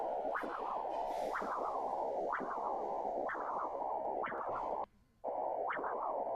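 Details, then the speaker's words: Internal carotid artery Doppler spectral signal in a teaching lecture: pulsing whooshing flow about one beat a second, always forward through systole and diastole without going silent, since the brain needs perfusion all cycle; normal low-resistance flow. "este registro va siempre para adelante sístole diástole fue el que vimos al principio sístole diástole Por qué Porque el cerebro como Es lógico necesita estar irrigado durante todas las fases del ciclo cardíaco"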